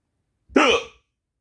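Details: A person trying to sleep with a bout of hiccups makes a single sudden voiced gulp with a sharp onset: hiccup.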